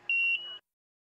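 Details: Short, steady, high-pitched electronic alarm tone from an intensive care unit monitor, stopping abruptly; ICU monitor alarm sound effect.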